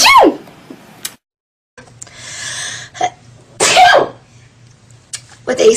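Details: Several sharp, explosive sneezes with breathy lead-ins from different people, separated by quiet pauses.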